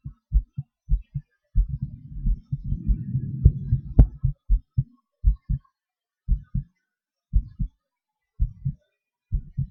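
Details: Person's own heartbeat recorded during breath-holds, panting and hyperventilation: low thumps with uneven spacing, speeding and slowing, plus stretches of rumbling breath noise; normal heart sounds with heart rate changes.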